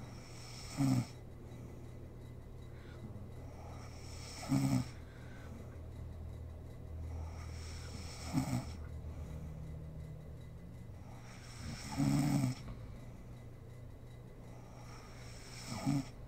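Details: Adult woman (mother) asleep, recorded for ASMR: short, low rattling snores recurring about every four seconds, roughly 15 a minute, over a steady room hum; ordinary sleep snoring.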